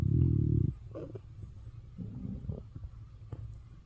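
A deep gurgling growl, then softer bubbling rumbles. Ordinary stomach growling, a normal sound of gut movement.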